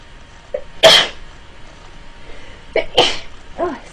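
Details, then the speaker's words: Woman who says she sneezes multiple times in a row: a brief intake of breath, then a sharp sneeze and a second, smaller sneeze. "I'm gonna sneeze it alright as you can tell I sneeze like multiple times"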